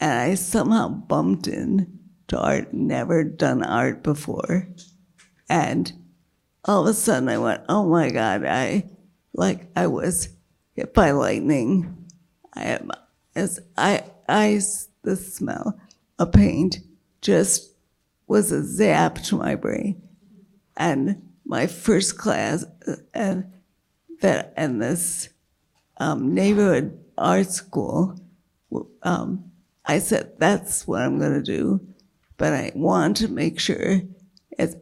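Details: Woman with multiple sclerosis progressed to quadriplegia and a failing diaphragm, struggling to keep her voice, with an earlier large brain lesion that caused voice and word-finding loss; dysarthria with reduced breath support.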